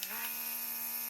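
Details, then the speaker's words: Electric baby nasal aspirator (snot sucker) with adjustable suction levels running: quiet, steady motor hum with a soft whine. "so I'm so happy to have this nasal aspirator also known as a snot sucker in our house ready and available and you can hear how quiet it is but there's different suction levels so if you need a little extra suction"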